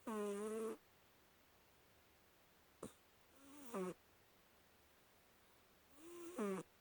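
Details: Snoring.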